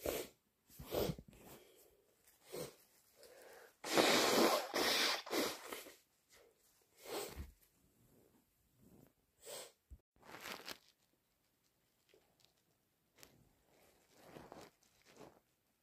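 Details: Several wet induced sneezes and forceful snorting nasal blows among congested sniffs, from an adult with a bad cold.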